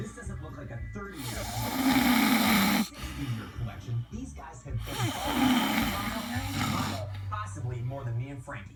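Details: Two long, rough, rattling inhaled snores about three seconds apart, with faint talk or television behind; snoring.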